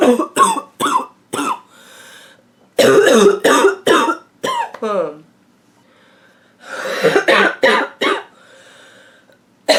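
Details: Nonstop barking cough from an adult woman: repeated harsh, barking coughs in bursts of three to four, about eleven coughs, with wheezy breaths in between.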